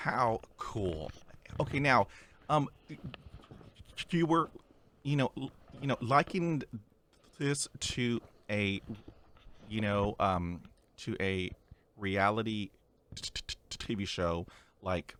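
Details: Male podcast host who stutters, speaking English in an interview; stuttering.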